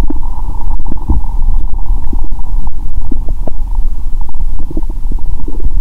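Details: Adult woman after eating many Mentos with zero-sugar cola, belly swelling and painful: loud continuous low gurgling and bubbling with steady hum behind; active bowel sounds.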